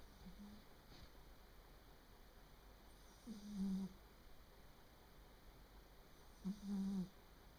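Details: 3-year-old Japanese Bobtail cat making a strange sound while sleeping, which the owner puts down to age: brief soft buzzing snores roughly every three seconds against a quiet room hum; snoring.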